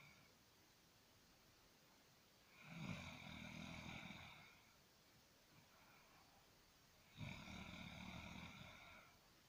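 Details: Sister snoring: two long, rough, rattling snores about four seconds apart over quiet room noise; snoring.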